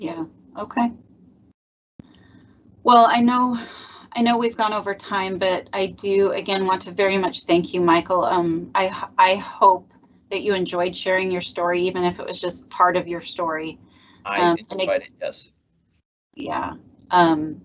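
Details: Adult speaker; no disorder.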